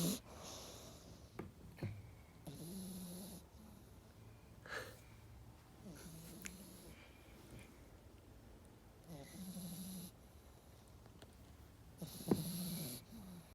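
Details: Rambo snoring while asleep and dreaming: rhythmic low rattling snores about every three to four seconds with breathing noise between; typical snoring.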